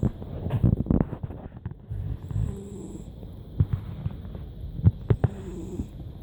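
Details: A cat snoring during an afternoon nap: low, rumbling snores over a steady background hum; snoring.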